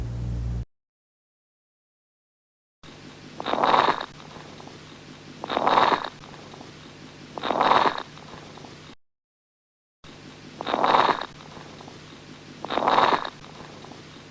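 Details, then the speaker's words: Coarse crackles: bubbly, non-musical, discontinuous popping from air passing through secretions accumulated in large and medium airways, which momentarily pop open due to pressure. "a popping sound that is generated by air passing through uh the accumulated secretions within the large and the medium siiz Airway so the creation of the bubbly sound which is a non-musical uh discontinuous it only happens every now and then is actually a result of the Airways momentarily popping open due to pressure"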